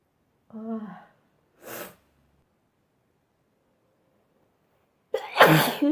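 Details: Three sneezes from one adult in a sneezing compilation: a voiced 'achoo', a short burst, then a loud forceful sneeze, separated by silence.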